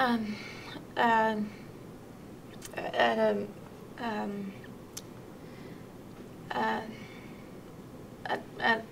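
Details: Patient with severe transcortical motor aphasia, an acquired language disorder, answering a conversational question about where they are from; transcortical motor aphasia.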